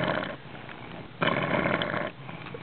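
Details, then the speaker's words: Boy who usually breathes very shallowly, given CO2 rebreathing through a mask and bag for 30 seconds every 3–5 minutes by his mother: two loud, noisy deep breaths with quieter pauses between. "once you starts breathing deep then we will start the timer mask for 30 seconds"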